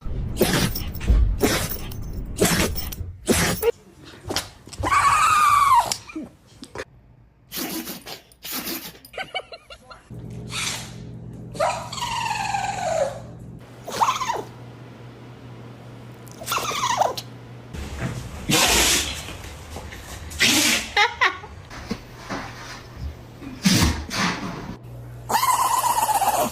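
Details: A series of short, sharp dog sneezes separated by pauses, with some whines and background noise; sneezes.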